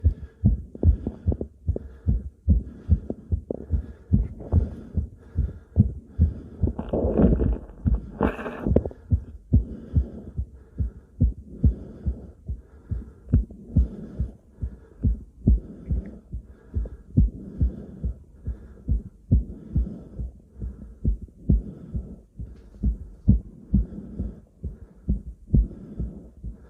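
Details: Self-recorded stethoscope on own chest: steady, regular lub-dub normal heart sounds with a brief stretch of louder, heavy breathing noise.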